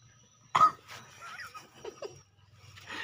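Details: Single sharp, wet snick-like cough from a chicken, followed by faint rattly, gurgling breath sounds; respiratory illness with rattling breathing, runny nose and throat mucus.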